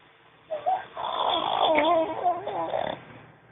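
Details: Pug snoring in his sleep: a long, squeaky, whistling snore with a fluttering rattle, noisy breathing through a narrowed upper airway.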